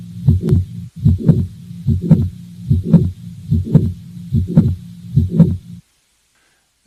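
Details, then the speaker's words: Mitral valve prolapse teaching recording, regular rhythm about 73 a minute: first beats give S1, S2 and a low systolic mitral regurgitation murmur, then a midsystolic click is added, giving S1, click, S2 and the murmur. "what I'm going to do is first play the S1 and S2 with the murmur of Mr that's all you're going to hear for the first beats and then I will add in the click so that you can hear everything together"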